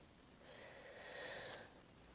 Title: Wheezing 😒